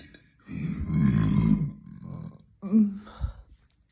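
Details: Girl burping: a long, low, rumbling burp, then a shorter second burp.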